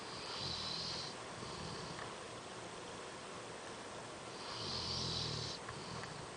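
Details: Two slow, rattling snores about four seconds apart, each a low flutter with a hissing edge, separated by quiet breathing: snoring during sleep.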